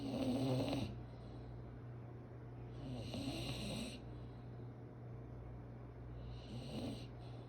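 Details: Three rhythmic snoring breaths about three seconds apart, around 20 a minute, over a low steady background hum; snoring.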